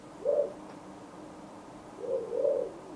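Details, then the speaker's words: Pulsed-wave Doppler spectrum on a Mindray DC-7 ultrasound, turned on with the PW key after color Doppler in an obstetric/abdominal tutorial: soft, low, rising-and-falling whooshing tones ending in a brief louder burst; pulsed-wave Doppler flow signal. "presionamos p w y podremos ver el espectro"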